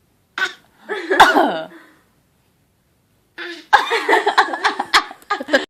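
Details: Child deliberately fake coughing, with short imitated cough-like bursts in two groups; a voluntary cough, not from illness.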